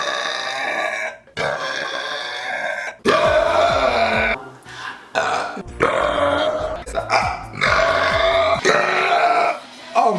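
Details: Burping: a string of about seven long, loud, croaking burps in quick succession over background music.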